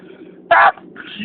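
One brief, sharp, explosive burst cuts through soft background sound. A single sneeze.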